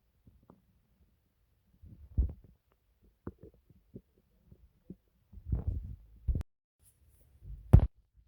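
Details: Person's own stomach making noises: quiet stretches broken by soft low gurgles and a few louder rumbling bursts from the belly; ordinary bowel sounds (borborygmi).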